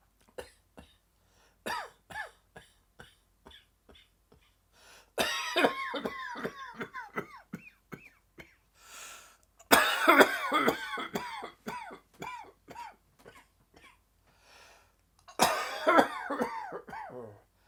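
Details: Adult dry, tickling coughing fit that came on suddenly in the afternoon: repeated short, dry, hacking coughs in runs, with throat clearing and gasping breaths between.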